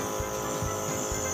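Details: Repaired nebulizer compressor being tested with salbutamol in the cup, producing mist: steady buzzing motor hum with faint regular throbbing.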